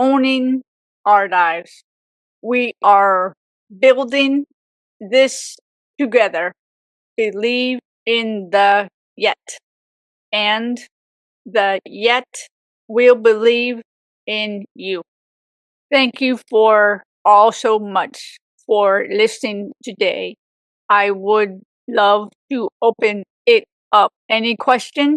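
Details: Woman with aphasia for 18 years after a severe stroke at age 44, who also mentions apraxia; aphasia.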